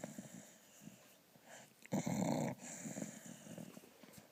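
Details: Sleeping dog snoring: soft, irregular snuffling breaths broken by one loud, harsh snort lasting about half a second, a snort during sleep.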